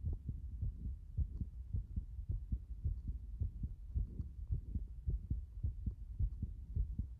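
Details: A heart beating like this since this morning: fast, fairly regular low heart thumps at about 107 beats a minute, a rapid heartbeat.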